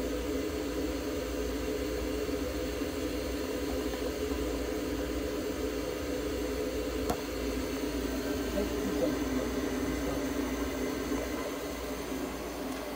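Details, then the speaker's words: Budgerigar receiving veterinary treatment inside an ICU incubator with warmed, humidified oxygen therapy; sound of the incubator running. "はい、積水インフォのふーちゃんの治療の様子です。 ICU 内で保護個室酸素療法を行っています。"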